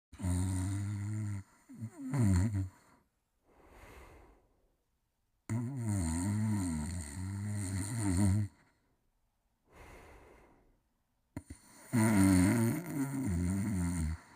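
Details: Loud, buzzing, pitched snores alternating with softer breathy breaths during sleep; ordinary snoring.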